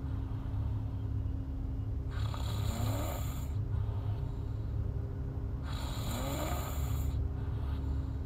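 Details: Snoring in a sleeping girl: two rasping snores, each about a second and a half long and roughly 3.5 seconds apart, over a steady low background hum.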